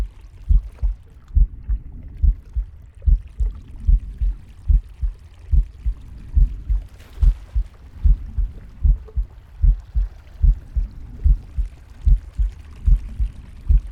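Steady low heartbeat at about 73 beats a minute, with soft breath noise and faint gut gurgles; a normal heartbeat.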